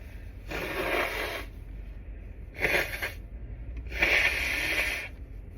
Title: Stifling my sneezes without using my hands…and upper body reveal?